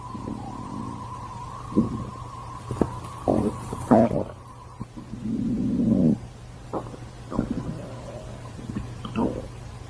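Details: Stomach growling: irregular low gurgles and rumbles over a steady room hum; ordinary gut sounds from gas and fluid moving through the bowel.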